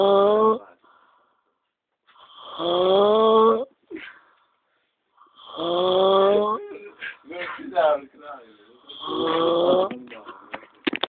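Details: Loud, long, tonal whistling snores with pauses and sputtering sounds between them, about four breaths in eleven seconds; snoring.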